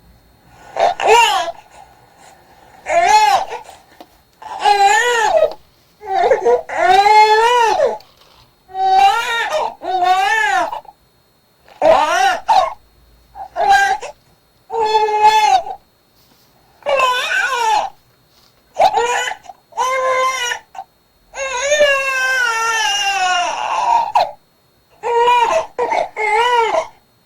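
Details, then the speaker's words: Hungry newborn: short, rhythmic, repeated cries sounding like 'eung-ae' and 'eum-me', with lip-smacking mouth movements; hungry infant cry. "자세히 보시면 응애 소리도 나고음 내 소리도 나고네 하고 울면서 아까 졸릴 때 우리가 처음 봤던 영상에 비하면 훨씬 입모양이 좀 다르게 보이죠"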